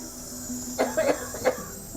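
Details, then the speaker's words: Long-standing cough in a 55-year-old man with sudden breathlessness today, fighting for breath, with chest and upper back pain, attended by paramedics. "Like out of breath. And we got the cough for a long time."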